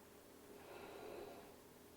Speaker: is my dog snoring. Can you hear that? She's so old, the poor thing.